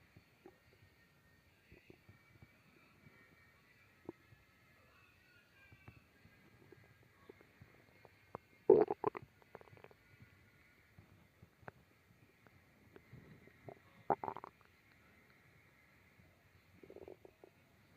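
Quiet, irregular gurgles and squeaky rumbles with a few louder bursts: ordinary stomach growling from gas and fluid moving through the gut.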